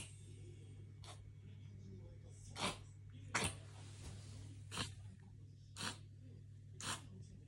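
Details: Five short, sharp, forceful expiratory bursts about a second apart over low room hum; a cat's episode, owner unsure whether cough or reverse sneeze, with the cat comforted afterward.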